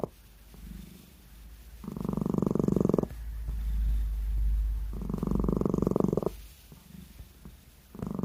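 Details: A sleeping cat gives rhythmic fluttering snores on each breath, about 20 breaths a minute, with quiet pauses between: cat snoring.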